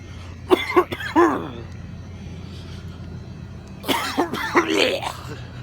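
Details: Coughing indoors at a pharmacy: two short bouts of harsh, partly voiced coughing, about seven coughs in all, over a steady low indoor hum; plain cough.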